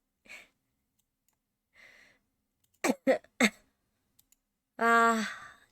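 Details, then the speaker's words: Woman with a summer cold, ill for five days with mild fever and sore throat, medicine not helping: soft breaths, three short dry coughs in a quick cluster, then a voiced sigh; cough. "근데 추랑이의 감기 일기 근데 내가 이비노가 갔을 때 브리핑 늘었잖아. 그게 딱 절래 딱 그 아저씨 뭐라 했냐면 열이 심하지 않은데 미열이 있고 목이 아프고 자기 전에 기침이 엄청 심할 거래."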